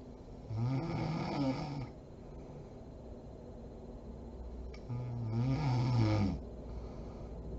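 Two long, low, rattling snores on the in-breath, with quiet breathing between them; ordinary snoring during sleep.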